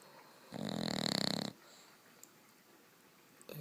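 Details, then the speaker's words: A 7-month-old bulldog puppy asleep in the middle of a bed that does not wake when shaken; one loud, rattling, wheezy snore lasting about a second, then quiet breathing; snoring. "she's in the middle of my bed snoring like that kill me watch even when she's shook she doesn't wake up can you stop snoring oh fun"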